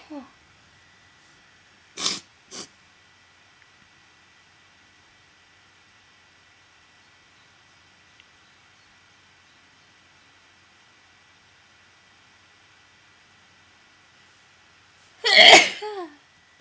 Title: desperate, varied sneezes